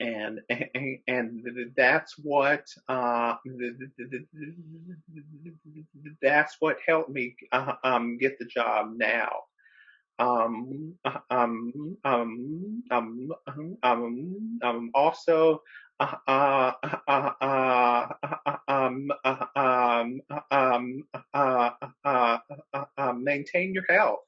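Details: Adult man who describes himself as a person who stutters, speaking with repetitions and filler interjections while co-hosting a webinar: stuttering.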